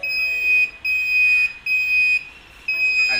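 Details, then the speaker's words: Demo of a wireless hospital nurse call system: the code blue button on a 4-key bed unit is pressed, and a loud, shrill electronic tone sounds in long on-off bursts while room 101's emergency shows on screen. "In case of an emergency situation inside the room, the nurse can, or any attendant or any person entering the room and finds the situation of the patient in distress, can use the code blue button, and then you will have a 101 showing an emergency is on the screen"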